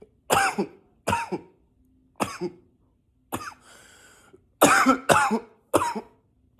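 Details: Deliberate coughing repeated many times, some coughs intentionally pitched deeper: seven separate acted coughs.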